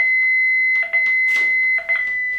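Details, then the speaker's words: Manual defibrillator maintenance test: charged at 50 joules, then paddles or defibrillation electrodes disconnected; a steady high-pitched alarm with short beeps warns that no shock is possible and accessories must be reconnected. "pour finir on vérifie l'alarme de déconnexion de palettes ou d'électrodes de fibrillation"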